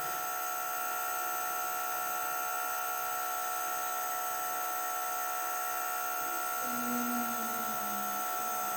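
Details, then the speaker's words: Child's bedtime nebulizer inhalation after a strong cough during the night: continuous steady hissing compressor hum at a fixed tone. "Девочки, у нас ночные процедуры. Перед сном ингаляция."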